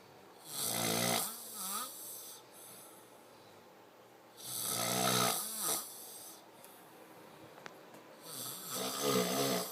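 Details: Sleeping person: loud, vibrating snores with a rising whistling tail, roughly three breath cycles in ten seconds; heavy snoring.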